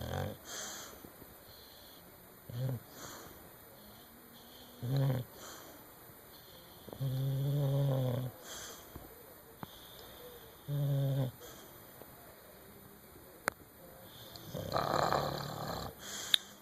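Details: Snoring: low, rumbling snores in irregular breaths, some long and drawn out, with faint background noise.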